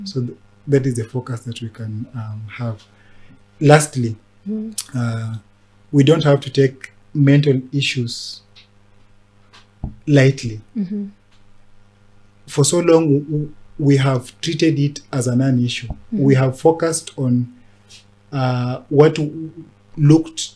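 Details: Adult man who stammers; stuttering.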